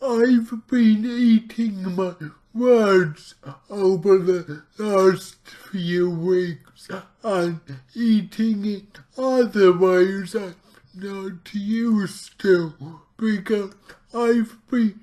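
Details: Man with cerebral palsy, trying a keto diet to see whether it affects his CP; real speech; dysarthria in cerebral palsy.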